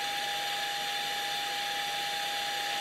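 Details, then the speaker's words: Steady mechanical hiss with a constant high tone from a Puritan Bennett 840 ventilator running its Short Self Test with the patient Y blocked by a cap: normal pressure and flow sounds. "these are normal pressure sounds flow sounds as the machine goes through the testing"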